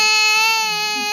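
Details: A baby gives a brief, high, steady wail with a clear tone; infant crying.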